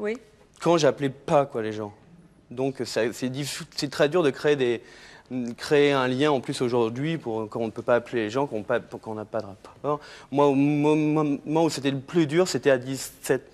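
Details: Adult man who has stuttered since childhood, for about 30 years, still stutters and calls it a handicap; stuttering.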